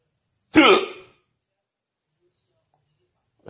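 One abrupt voiced hiccup sound, then silence; a single hiccup.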